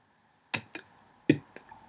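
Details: Man who has stuttered since childhood, when it was worse, blocking on a name he always stutters on; a genuine stutter; stuttering block.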